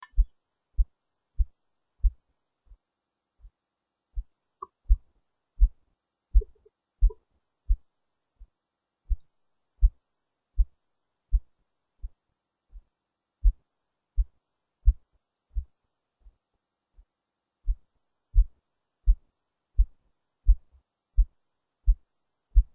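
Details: Own heartbeat recorded faintly through a low-quality microphone placed under the left breast: steady low thumps at about 86 beats a minute; normal heart sounds.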